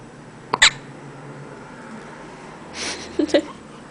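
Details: Hiccups in a jaundiced one-month-old baby: two short, sharp catches in the breath about three seconds apart, with a soft breath between.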